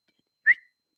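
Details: Adult woman with Tourette syndrome diagnosed at about age 27-28, not suppressing tics, producing one of her frequent stock vocal tics: a whistle.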